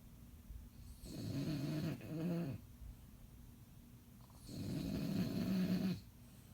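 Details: Bulldog asleep, tired after a long day, snoring: deep, rumbling, fluttering snores on each breath, about two breaths in six seconds.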